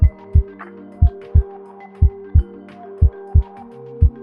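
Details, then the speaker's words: Normal heart sounds in a cardiac auscultation teaching demonstration: steady lub-dub heartbeat at about 60 a minute over soft background music. "Si se escucha un corazón normal."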